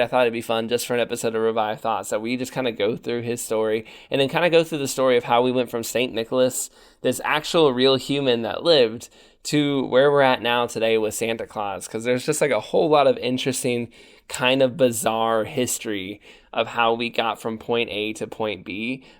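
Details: Adult man speaking; Normal voice.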